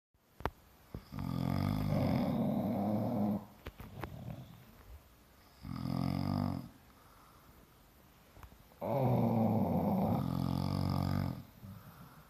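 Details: Sleeping bulldog and owner snoring in unison: loud, rattling, drawn-out snores, about three in twelve seconds, with snorty sounds between.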